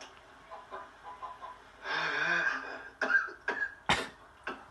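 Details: Adult man, described as vape cough: strained, voiced throaty sound gives way to a short run of about four harsh coughs.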